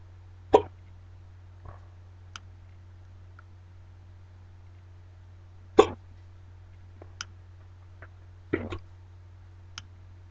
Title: Hiccups Today